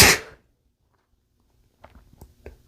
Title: male sneezing into a bandana